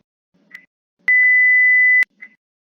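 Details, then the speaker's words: Short beeps, then a steady one-second high tone: a LabVIEW-simulated mechanical ventilator alarm sounding and the system stopping once set parameters (e.g., gas pressure) are exceeded. "Si sobrepasamos los parámetros establecidos, la alarma y el sistema se detendrá."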